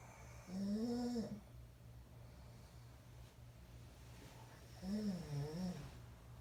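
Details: Person asleep snoring: two soft, wavering snoring breaths about four seconds apart over steady room hum.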